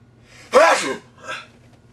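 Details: A single sneeze with a soft intake before it and a short after-sound in a quiet room.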